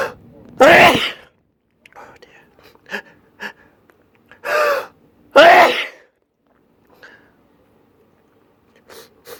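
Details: Allergy sneezing fit: three forceful sneezes in quick succession with sharp breaths between.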